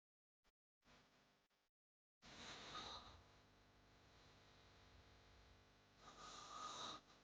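Rough, rattling breathing noise rising and falling in long cycles with a brief pause: snoring, from a sound-effect recording.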